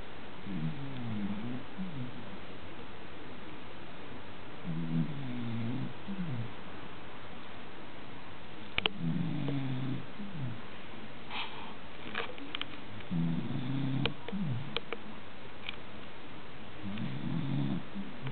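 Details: American Cocker Spaniel during an afternoon nap: low rumbling snores, about 14 a minute, with faint clicks and room noise between them; snoring.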